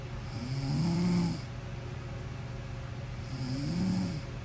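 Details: Woman snoring: two loud, rough, low-pitched snores on breathing in, with quiet breathing between; snoring.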